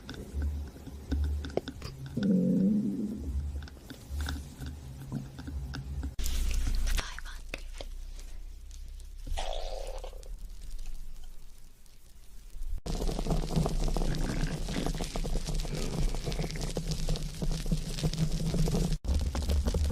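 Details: Low rumbling and gurgling from a person's belly, from a compilation of stomach growling: borborygmi.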